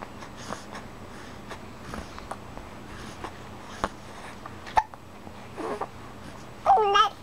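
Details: Young child's ordinary hiccups: brief, sharp gulping clicks recurring irregularly over quiet room noise, followed by short babbling vocalizations.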